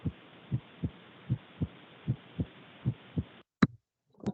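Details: Regular paired lub-dub beats, about 77 a minute, over steady hiss, then brief clicks and noise: normal first and second heart sounds, demonstrated in a nursing cardiac physical examination class.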